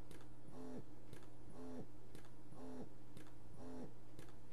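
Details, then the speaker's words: Lansinoh Affinity Pro double electric breast pump: rhythmic motor pulses about once a second, each a rising whir with a click over a steady hum, as it automatically switches to cycle mode at two minutes; three cycling levels. "so at two minutes you notice it switches to the cycle on its own you see there in the corner so you have three different levels of cycling"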